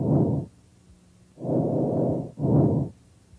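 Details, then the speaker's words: Normal tracheal breath sounds heard with the stethoscope diaphragm over the trachea during a respiratory physical assessment: loud, harsh, high-pitched tubular sounds through one complete respiration. "you should hear tracheal sounds over the trachea these are high pitched loud and"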